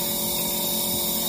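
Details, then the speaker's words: Nebulizer built into an animal ICU pet incubator (UC-2007), switched on by timer for respiratory problems: a steady mechanical hum with a bright hiss as it produces mist. "nebulizer and once you turn the timer you can hear the noise and you can see the canon mist oh cat kid is telling you there's a miss mister coming up so that's the nebulizer for the raspberry system problems"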